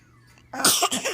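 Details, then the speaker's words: Baby gives a short, genuine cough, a quiet lead-in then two or three bright, husky bursts, among otherwise fake coughs; cough. "that one was real hot oh poor baby"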